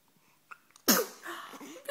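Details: A single sharp, explosive sneeze after a brief quiet lead-in, followed by soft breathy sounds: sneezing.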